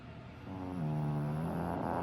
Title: Mollie the Shihtzu snoring 💤